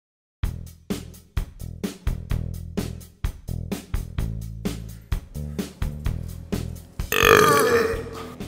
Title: World Burping Championship